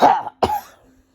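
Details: Young person's lingering cough on about day 25, now much better but still present: two separate cough bursts, the second shorter and fading.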